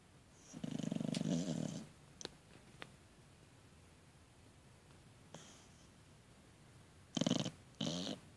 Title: Snoring